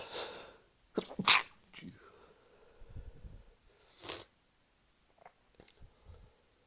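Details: Sneezing fit while drunk: several sharp, explosive sneezes in quick succession, with quieter breathing and small noises between them.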